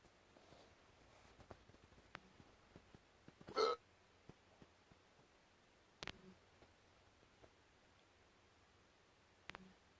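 Quiet room with three abrupt, short throat catches several seconds apart; hiccups.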